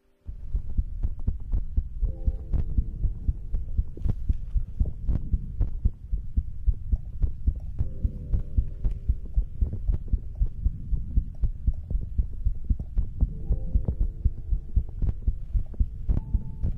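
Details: Heartbeat ASMR recording from a livestream: loud, deep, steady thumping heartbeat, roughly 60 beats a minute, with a low hum behind it.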